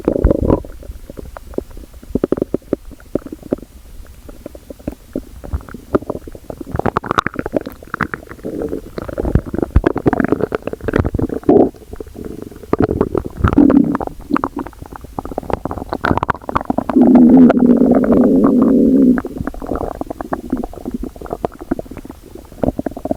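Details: Girl's stomach growling: frequent gurgling and rumbling bowel sounds with a longer low growl near the end; ordinary borborygmi.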